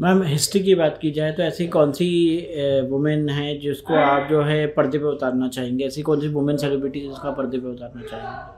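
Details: Adult speaker; Normal speech.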